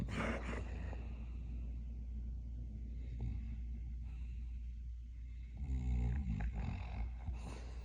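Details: Smooth Collie snoring in his sleep: deep, rumbling, fluttering breathing with muffled bark-like snorts near the end, snore-barking.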